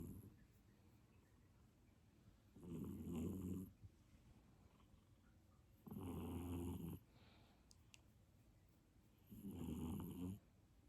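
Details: British Shorthair golden shaded cat snoring "like a man": three loud, rough, deep inhaled snores, about 18 a minute, with quiet pauses between them.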